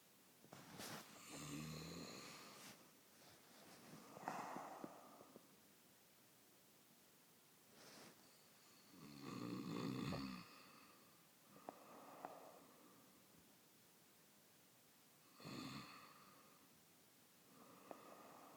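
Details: Adult husband snoring: rough, rattling snores on inhaling, about four in 18 seconds, with quieter breaths between.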